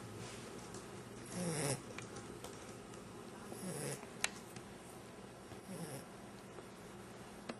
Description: 9-week old Jager-Bear learned how to snore